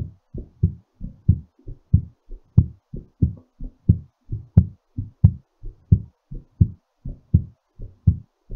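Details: Strong, regular lub-dub heartbeat at about 90 beats a minute, a mildly raised rate during recovery after exercise.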